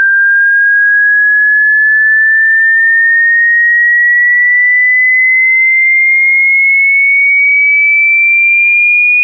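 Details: Simulated tinnitus ringing in the ear: a steady, pure high tone that slowly rises in pitch.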